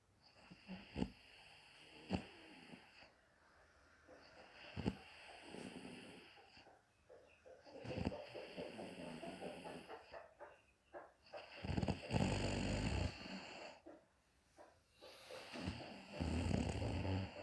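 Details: Mother sleeping comfortably in the daytime: irregular, rough snoring breaths with snorts and nasal-throat rattling, and quieter pauses between them.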